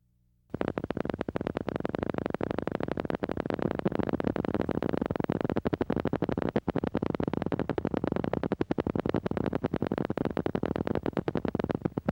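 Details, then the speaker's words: Normal motor unit potentials on needle EMG during voluntary contraction: rapid, crisp clicking and popping; normal duration 6–16 ms, amplitude 0.5–5.0 mV, and fewer than 20% polyphasic. "Polyphasic MUPS with five or more phases make up less than 20% of MUPs. Watch and listen to normal MUPS."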